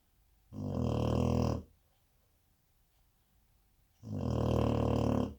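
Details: 4-month-old Cane Corso puppy snoring asleep: two long, low, rumbling snores on in-breaths about three and a half seconds apart, quiet between.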